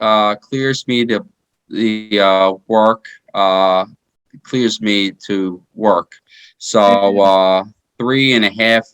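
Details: Aphasia in a 33-year-old man after a stroke in 2019 following heart surgery; he initially could not speak or move his body.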